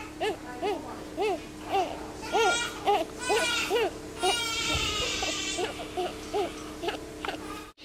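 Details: Baby boy after a feed: short, repeated infant cries and whimpers over a steady electronic tone and a child's game in the background; a fussing baby's cry.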